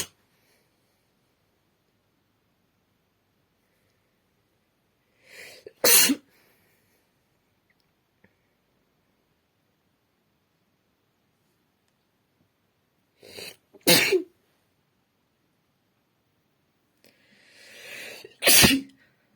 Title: Sneezing on the hand (F)